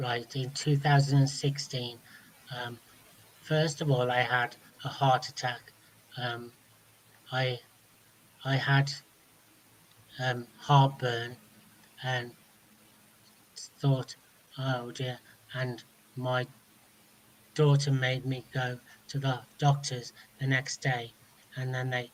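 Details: Adult man speaking; no speech disorder.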